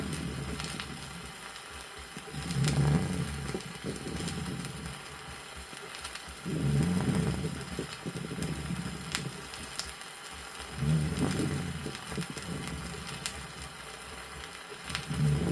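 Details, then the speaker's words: Severe pneumosclerosis: low-pitched dry rhonchi with a few moist crackles, low rumbling at about 14 breaths a minute; 1964 USSR vinyl teaching recording. "следующая запись иллюстрирует звуковую картину в лёгких при тяжелом пневмосклерозе выслушиваются низкие сухие хрипы и немногочисленные влажные [музыка]"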